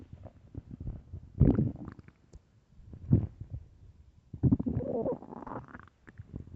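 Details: Low gurgling rumbles in several bursts, recorded early morning: ordinary stomach growling from gas and fluid moving through the gut; normal bowel sounds.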